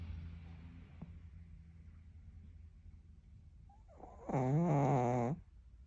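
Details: Sleeping pug, a small flat-faced dog, snoring: quiet room hum, then one loud, buzzing, tonal snore about a second long.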